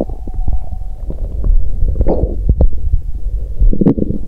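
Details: Bowel sounds from an adult woman's abdomen on menstruation day 2, after abdominal pain settled: an odd, horn- or tuba-like abdominal sound.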